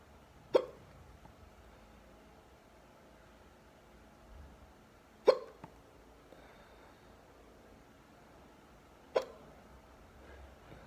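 Three sharp, abrupt hiccups a few seconds apart against a quiet room.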